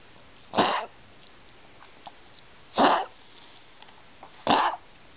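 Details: Three harsh, dry coughs from a dog, about two seconds apart, in a quiet room; a dog's cough, recorded 9/28/09.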